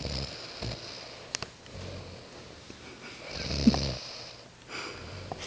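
Soft, rough breathing noises with a few sniffs and snorts over room noise. Light snoring.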